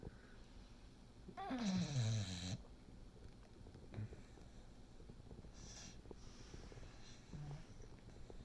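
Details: Pickles, a 6-year-old female English Bulldog, apparently dozing with eyes twitching and half open: one loud, rattling, whining snore-like breath, then quieter snuffling breaths, over faint background noise.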